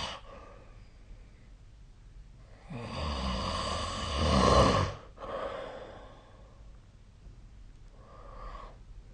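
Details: Adult snoring during sleep, recorded with a snore-tracking app: a loud, rough, rattling snore on one breath in, quieter breathing before and after.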